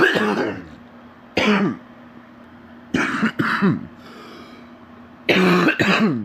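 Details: Adult man sick with an extremely stuffy nose: several deep, harsh coughs in bursts with a rattling, phlegmy quality; a deep wet productive cough.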